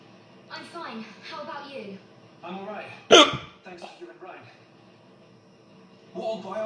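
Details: Person with persistent hiccups lasting about 30 minutes while playing a video game: one abrupt, sharp hiccup over game dialogue and background audio.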